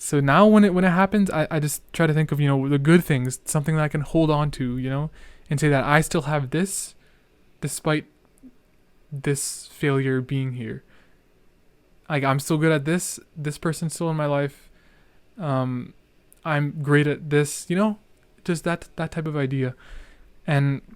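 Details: Real male speaker who discusses his own stuttering and says he is stuttering a lot; part-word and whole-word repetitions heard; stuttering.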